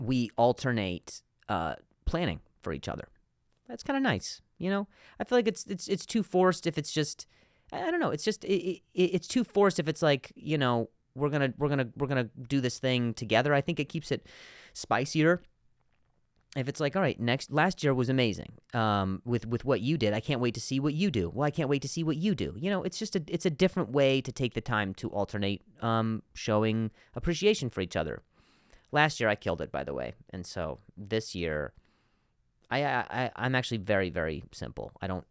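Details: Adult male podcast host who stutters, with sound and word repetitions in spontaneous speech: stuttering.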